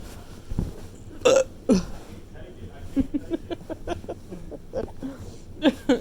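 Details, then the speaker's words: Two loud, abrupt hiccup-like catches of breath among soft talk and background noise, with another pair near the end; repeated hiccups that were noted as unusual because the mouth stays open. "most people close their mouth in a hiccup you go i think you scared the hiccups out of me"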